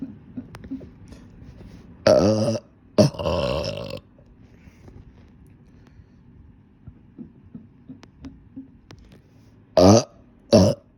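Four loud, rumbling burps, two longer and two short, with quiet room noise between them.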